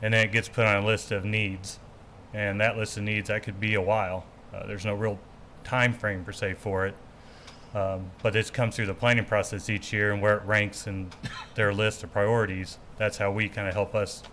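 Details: Adult man speaking in a meeting room; Normal adult male speech.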